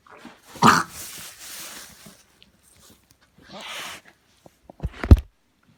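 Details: Harsh snorting nasal inhalations in short bursts, then clicks and a snort, fitting reverse sneezing in a dog; repeated episodes one night after guests visited, with phlegm brought up, looked distressed, resolved next day.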